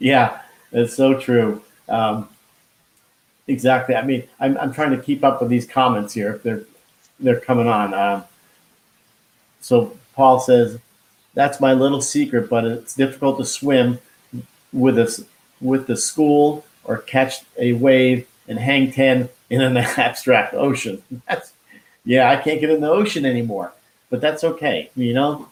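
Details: Man who had a heart attack and stroke at age 49 and could not talk at first; he still loses words and says he was told it is expressive aphasia; finding: expressive aphasia.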